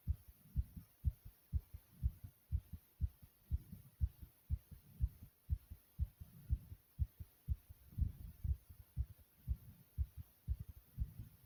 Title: Very Fast And Thumping Heartbeat Sound ❤❤❤